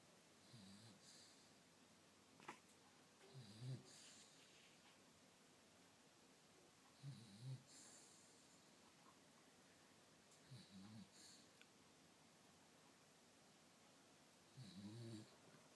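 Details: Soft, low, rattly snores repeating about every four seconds, roughly 16 a minute, from a small sleeping Bichon dog; snoring.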